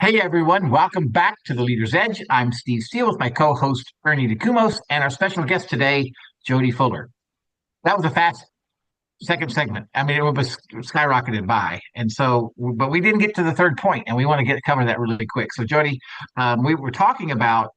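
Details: Adult male speaker; typical speech.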